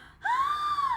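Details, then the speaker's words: A vocal imitation of a wheeze, one steady high-pitched squeak under a second, illustrating the lung sound heard in patients with asthma, COPD or emphysema. "but the sound that could distinguish this this from all the others is that when a patient has wheezing like you'll hear it like it's it's going to sound like"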